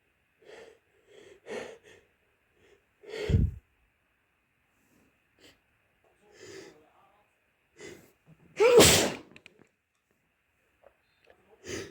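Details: Several sneezes and sniffs, including one loud, forceful sneeze, plus nose blowing from a person with a head cold.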